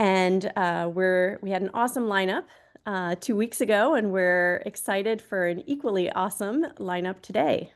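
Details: Adult woman speaking; Normal fluent speech.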